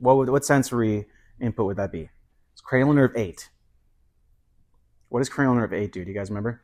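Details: Adult male lecturer; normal speech.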